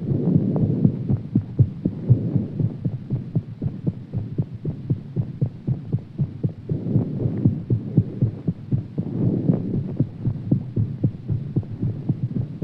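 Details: Fast, steady low thumping heartbeat at roughly 118 beats a minute; rapid heartbeat after exercise.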